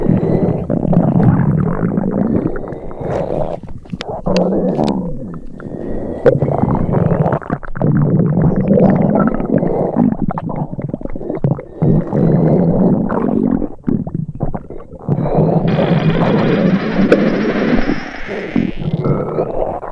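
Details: Simulated upset-stomach sound effect: long gurgling, growling rumbles with irregular bubbling pops, imitating stomach rumbling.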